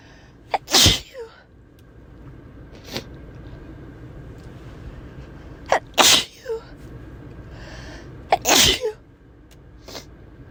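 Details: Person sneezing uncontrollably in a car: three forceful sneezes about every three to four seconds, each with a quick inbreath, over steady road noise; a bout of repeated sneezing.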